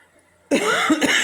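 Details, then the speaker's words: Person settling into bed, producing mucus, feeling windpipe under attack: sudden run of harsh, strained coughs with choking, gagging edge after a quiet pause. "He's just like producing mucus and ear. It just feels like my windpipe is being attacked right"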